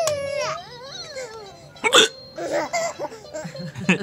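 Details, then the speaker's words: A father's hiccups: a sudden sharp hiccup-like gulp breaks into his baby son's laughter and the adult's voice, ordinary hiccups. "you think that's funny you think my hiccups are funny"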